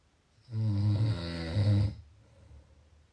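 One deep, low, vibrating snore on a breath in, lasting over a second in a quiet room; typical adult snoring.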